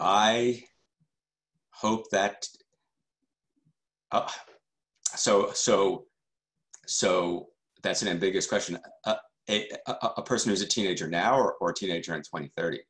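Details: Adult male journalist who stutters, speaking in a keynote talk: stuttering.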